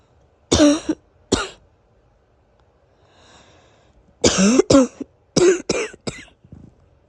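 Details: Morning cough after days of sniffling and coughing following a sudden drop in temperature: two coughs, then a burst of four or five, with faint whistling breath between; somewhat wheezy cough.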